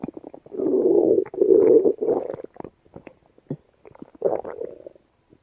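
Long rumbling gurgles and short irregular pops from a dog's belly; bowel sounds.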